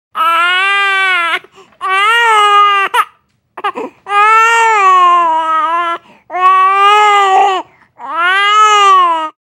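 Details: Infant crying sound effect: five loud, sustained wails separated by brief catching breaths.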